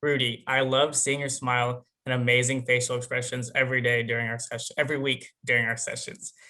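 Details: Young adult man speaking; ordinary speech.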